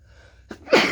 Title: Fairly Rapid Cold (?) Sneezing